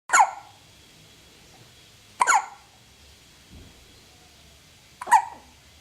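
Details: Three sharp, brief, gulping hiccups about two to three seconds apart in a quiet room while the subject turns her head; hiccups.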